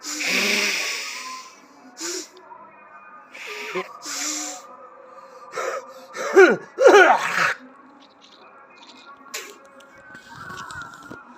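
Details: Several sneezes with sharp inhaled gasps and snorting after Jal Neti nasal rinsing, in a quiet room with faint background sound.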